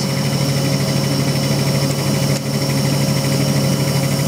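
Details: Neonatal high frequency oscillatory ventilator set to 13 Hz, running during a setup demonstration with its circuit capped by the endpiece and not connected to an infant; a steady loud mechanical buzzing hum with fast vibration.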